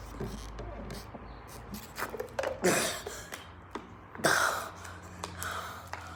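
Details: Simulated cough acted out by a child; a few harsh, noisy cough bursts against quiet room sound.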